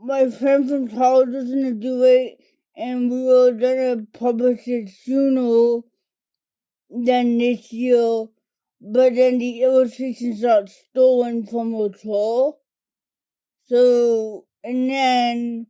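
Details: Dysarthria from cerebral palsy diagnosed in toddlerhood, in an adult woman; it primarily affects her speech and fine motor skills.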